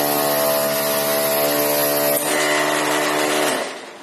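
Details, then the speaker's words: Simple homemade prototype medical ventilator built from pneumatic parts: steady loud compressor whine with a valve switch partway through, alternately pushing air in then vacuum drawing it back out, cycling continuously. "رح أشغل الكمبرسور هذا ونشوف كيف العملية. هلا حاليا الهواء عم بيجي هون بيعطيني هواء، بعدين بصير شفط فاكيوم، بطلع الهواء من هون، بعكس الدورة باستمرار."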